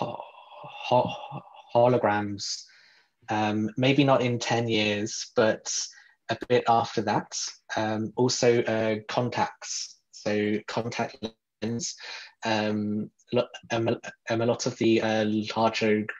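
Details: Real adult man who describes himself as a person who stutters, speaking in a podcast interview; stuttering.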